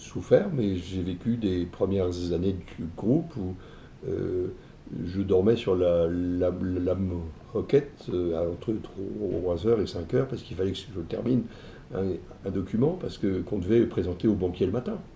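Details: Adult male publisher with self-reported stuttering; he says it sometimes blocks his speech, especially when emotion is strong. Finding: stuttering.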